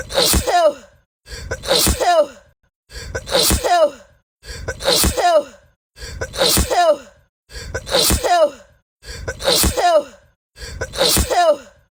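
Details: Black woman sneezing on camera, tagged allergies: the same sharp sneeze repeats eight times in an edited loop.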